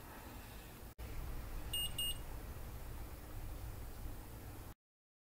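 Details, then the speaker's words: Two faint high beeps over steady room rumble from an Omnipod Dash insulin pod, confirming it has been filled with insulin before pairing; senior user who also wears a Dexcom G6. "and again in the sharps container so we've got we heard the two beeps so i go next and it's going to communicate with the pod"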